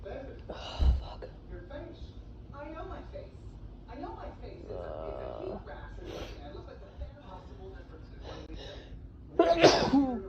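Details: Sneezes while sick, person tested negative for COVID: quiet talk with a sharp burst near the start and a loud, explosive sneeze at the end.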